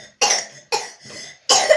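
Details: An adult woman with a cold, whose cough has turned wet and expectorating: three harsh, loose cough bursts with a rough breathy tail between them, a productive wet cough.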